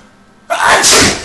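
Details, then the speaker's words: Simulated sneeze from a novelty sneeze button, not a real person: a single loud, explosive sneeze sound. "why do you have a sneeze button I don't I don't know that's so weird sneeze buttons are weird"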